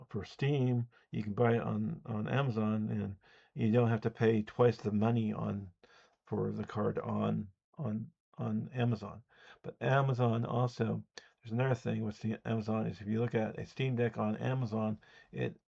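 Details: Speech disfluency with word repetitions and prolongations in an adult man who reports a speech impediment.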